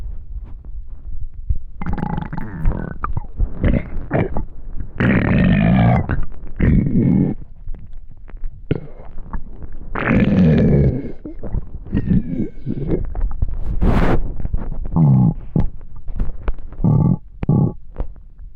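Loud, long gurgling and rumbling with squeaky, creaking runs; active stomach growling from hunger, a normal digestive sound.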